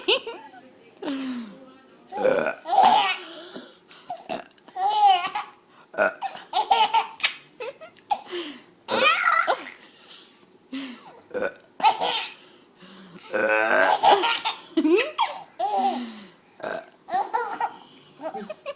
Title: Burps are funny!